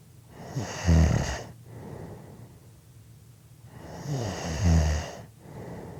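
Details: Two loud, rattling snores on breathing in, about four seconds apart, with quieter breathing out between them; snoring.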